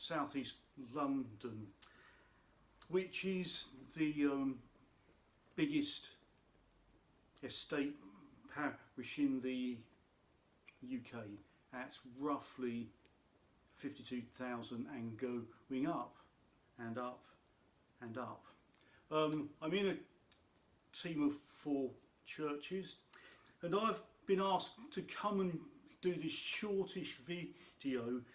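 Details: Adult man who states he has a stammer; stuttering (stammer).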